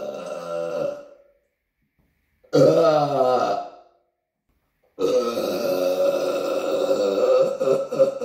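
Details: Person in an apartment: three long, deep, voiced belches, the last drawn out for several seconds, with quiet pauses between; burping.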